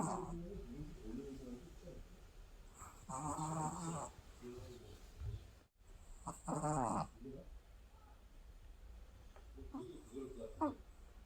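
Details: Sleeping, tired dog snoring; two or three rough, rattling inhaled snores with soft whistling exhales, about 18 breaths a minute; ordinary snoring.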